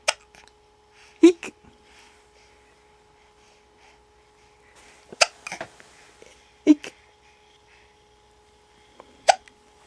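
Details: Infant boy who often has hiccups, during peek-a-boo with his father: sharp, brief hiccup bursts about five in ten seconds in a quiet room with a faint steady tone; infant hiccups.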